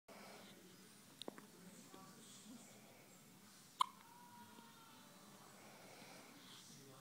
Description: My boys first hiccup attack